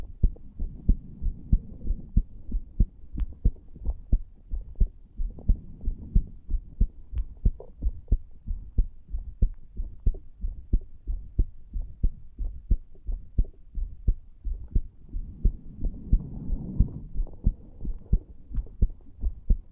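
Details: 34-year-old male lying on a bed, recorded at the tricuspid area (lower left chest) after cigar nicotine and "green stuff": regular heart sounds at about 90 beats a minute with faint rustling; normal heart sounds.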